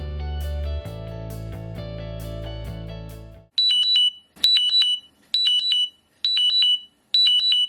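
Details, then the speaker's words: Repeating high-pitched electronic chime bursts from a FreeStyle Libre 3 glucose monitor alerting that blood sugar fell below 55, although the wearer could not feel the low; glucose monitor low alarm. "what the alert sounds like that I get from my libre3 when my blood sugar goes below 55"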